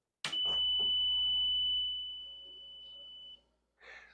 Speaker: When the machine powers on, you're going to hear a long beep. Not to worry. This is the concentrator self-diagnosing itself, making sure that the oxygen purity is correct and that all is working properly internally in the machine.